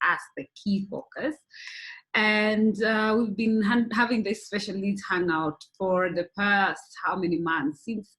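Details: Adult woman speaking; typical speech.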